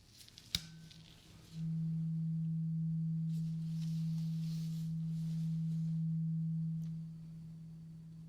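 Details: Role-played ASMR ear exam, simulated, for compacted earwax with a clogged feeling and altered hearing: a tap, then a steady, low, pure tuning fork hum of about five seconds fades over soft rustling; the listener says which ear.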